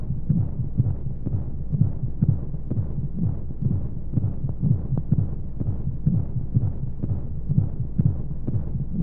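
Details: Womb-sound sleep aid for babies with white noise: steady muffled low thumping heartbeat at about 125 a minute over a soft rushing background of flowing sounds, as heard in the womb.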